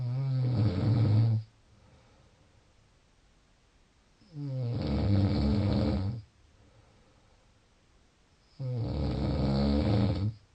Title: Snoring.14 June